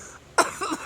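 One abrupt, harsh acted cough with a weaker second push right after it, over quiet room noise; a single cough.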